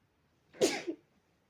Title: sneezing in a fluffy pillow